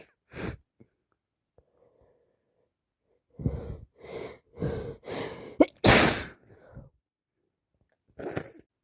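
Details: Several sneezes in a row, some in quick succession, with sharp bursts of air; repeated wet sneezing after three colds in a row that turned into sinusitis.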